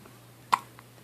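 A single short, sharp hiccup from a baby in a quiet room.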